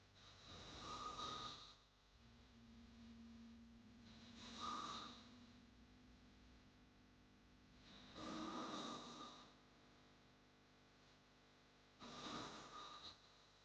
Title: Hard snoring sound🙆‍♂️ | Snoring sound effect